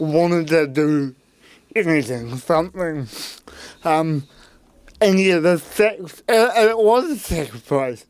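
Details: Adult man with cerebral palsy; his parents were told at birth he would never walk or talk; intensive therapy from birth to age six for walking and talking; dysarthria (cerebral palsy).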